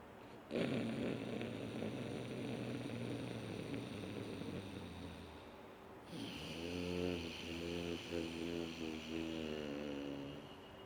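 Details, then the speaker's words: Deliberate snore-like throat sounds on inhaling and exhaling through the nose, tongue rolled back, seated cross-legged or on a chair with a straight spine, as ujjayi pranayama practice; soft music behind. This is imitated snoring. "you create the sound of snoring while inhaling and create the sound of snoring while exhaling"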